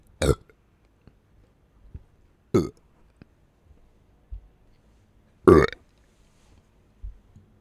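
Three loud, throaty belches with short quiet gaps and small swallowing sounds between them; repeated burping.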